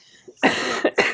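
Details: Adult on a ventilator in hospital whose tracheostomy tube is plugged with mucus: three quick, wet, harsh cough bursts through the tracheostomy, clearing thick secretions.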